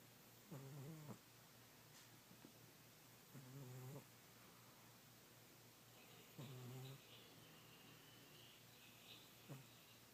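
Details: Old, overweight male cat sleeping soundly and dreaming, snoring loudly with buzzing snores about 21 a minute, each breath rattling through the nose, with room hiss behind.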